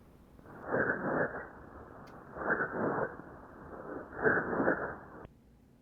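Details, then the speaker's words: Three muffled, nasal, bleating voice sounds through the chest wall, demonstrated in a pathophysiology lecture on pleural fluid and consolidation; the voice is not transmitted normally and is distorted. Egophony. "Entonces estamos viendo que el ruido no se transmite y se descompone no de acuerdo Esa es la egofonía"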